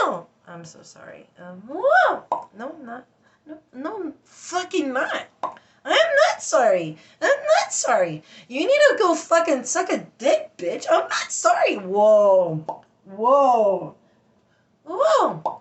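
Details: Adult woman with Tourette syndrome producing involuntary insults and interjections ('whoa') alternating with apologies, finding them hard to control; vocal tics with coprolalia (Tourette syndrome).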